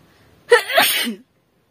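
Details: Deliberate sneeze in a sneezing challenge: a single forceful sneeze, sharp intake then explosive burst, performed on purpose.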